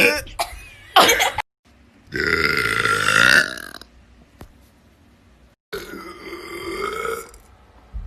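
Two long, loud, voiced burps with a short noise before them.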